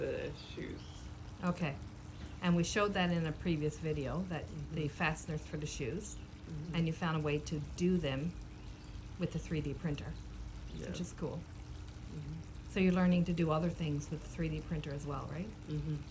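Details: Adult speaker; normal speech.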